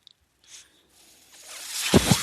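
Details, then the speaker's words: Rising rush of airflow ending in two soft low puffs from a man's mechanical ventilator delivering a breath while he speaks. "That noise you're hearing is my ventilator."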